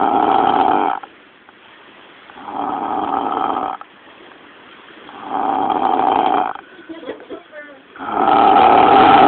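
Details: Loud, rasping snores about 1 second long, at roughly 23 breaths a minute with quiet pauses between, close up from a sleeper described as a drunken Eskimo: loud snoring.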